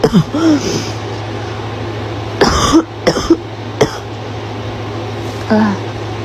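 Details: Adult woman: a short run of harsh, barking coughs over a steady low background hum.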